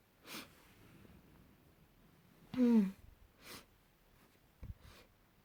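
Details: A single brief voiced sneeze in a quiet room, with a few soft breaths and sniffs around it.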